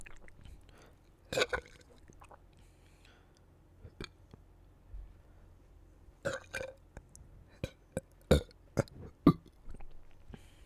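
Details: A series of low, rumbling burps in short bursts with quiet gaps between them; belching.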